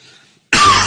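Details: An adult man with a slight cough and cold, just after claiming his immune system is five times stronger than normal, gives one abrupt, forceful cough after a brief quiet moment.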